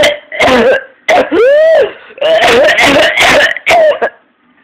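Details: 14-year-old with paroxysmal coughing to vomiting, color change and fainting: rapid runs of harsh coughs, with a high-pitched inspiratory whoop on trying to inhale between bursts.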